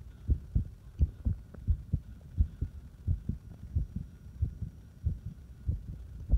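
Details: Irregular heartbeat: low heart thumps at about 86 a minute with uneven spacing between beats.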